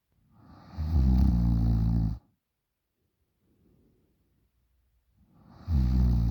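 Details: 20-year-old girl asleep, snoring really loud: loud, deep rumbling snores on breathing in, separated by quiet breathing out; heavy snoring.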